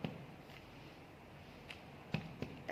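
A few light, hollow-sounding finger taps in a quiet room, consistent with abdominal percussion giving a normal tympanic note.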